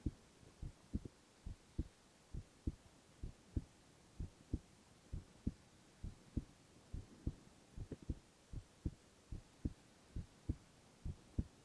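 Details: Male ASMR recording of heart sounds only, no talking: steady, soft double thumps of a heartbeat at about 67 beats a minute over a faint room hum.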